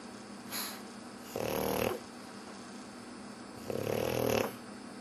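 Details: Pug snoring while, the owner says, pretending to sleep: soft, rattly snorting snores, two main snores in five seconds with faint breaths between.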